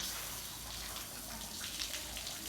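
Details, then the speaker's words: Puncture wound cleaned twice daily: warm running water flushes out from underneath the wound with a steady hissing splash, before a betadine flush; irrigation of the wound. "step one is we're going to use some water and we're just going to flush clean out from underneath of it"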